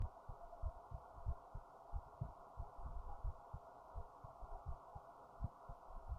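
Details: Own fast heartbeat at about 90 beats a minute, quick regular low thumps over a steady hum, recorded with a headphone speaker after standing up; heart racing with fast breathing.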